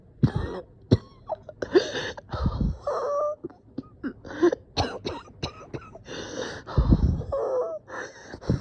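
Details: Person coughing and feeling dizzy, thinking they might pass out: prolonged coughing fit of repeated harsh coughs mixed with throat clearing, groaning and strained breaths between bursts.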